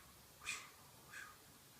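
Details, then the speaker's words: Vocal imitation of an abdominal aortic bruit during stethoscope auscultation of a supine patient, arms at sides, just below the xiphoid and then lower right: two breathy swooshes about 0.7 s apart, intermittent with every pulse. "you'll go ahead and place your stethoscope and you'll listen to any swooshing sound you don't hear anything you'll go ahead and go a little lower and to the right trying to hear for the same thing and this would be an intermittent with every pulse it would go"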